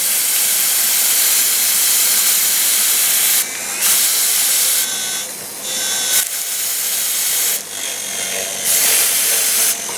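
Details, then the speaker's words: Dental surgical drill's high-pitched hissing whine running in bursts with short pauses during a tooth implant training demonstration on a model, sinus window and implant site preparation, no water cooling. "you see the drill coming out now we can large number for you to put the bumper in freely so you'd make our life easier"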